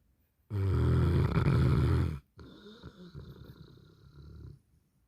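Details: Sleeping dog snoring: one loud, deep, fluttering snore on inhalation, then a softer rumbling breath out.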